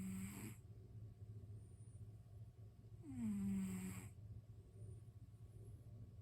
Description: a cat snoring